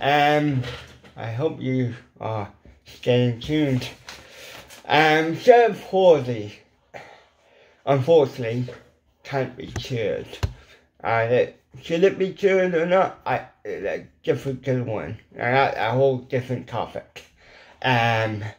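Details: Adult man with ataxic cerebral palsy; weak lip muscles cannot form the shapes for certain letters; lifelong speech impediment; dysarthria (cerebral palsy).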